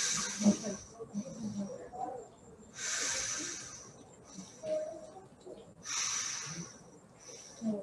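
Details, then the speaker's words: Anterior chest auscultation in a male patient during a respiratory short-case examination: soft rustling breaths, inspiration longer than expiration with no gap between them; normal vesicular breath sounds. "normal with sounds are called bisecular breath sounds bc so this is the normal breadth service right this is to be careful so inspiration expression no gap in between inspiration is longer expression is"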